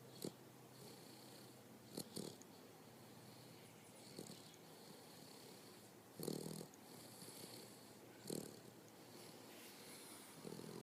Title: Infamous Boxer snore